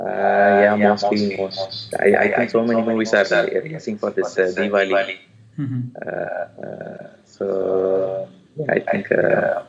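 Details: Adult male with puberphonia (previously high-pitched, female-like voice with occasional dual voice), recorded after voice therapy, now reports a stable voice; finding: puberphonia after voice therapy.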